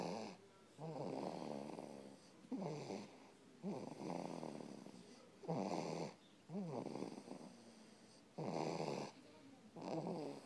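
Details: Snoring from someone: loud rattling snores on each breath, roughly 20 a minute, with quiet gaps between.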